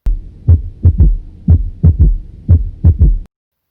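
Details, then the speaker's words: Third heart sound (S3 gallop), as heard with ventricular dilation such as severe heart failure or dilated cardiomyopathy: a regular low heartbeat with an extra dull sound early in diastole. "pero también aparecen condiciones patológicas donde encontramos una dilatación ventricular como en insuficiencia cardíaca grave o en una miocardiopatía dilatada así es como se escucharía el tercero"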